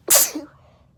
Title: Desperately induced, quick sneeze fit